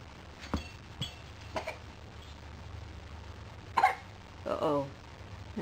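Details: Repeated coughing from a 10-month-old child.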